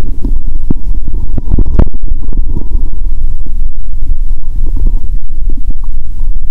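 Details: Loud, heavy rumbling with frequent gurgles and pops through a stethoscope on the abdomen after finishing Mentos with cola, belly painful and swollen; active bowel sounds.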